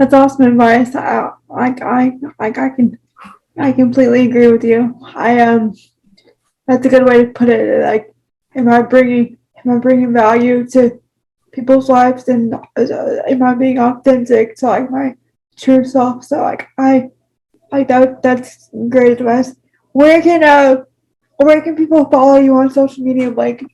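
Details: Adult with cerebral palsy, with frequent word repetitions; speech disfluency in cerebral palsy.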